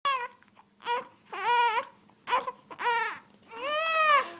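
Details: Baby crying before dad makes a motorboat sound to distract the baby: repeated rising and falling wails, about five cry bursts with short gaps for breath.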